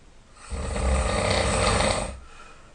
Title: Loud Snoring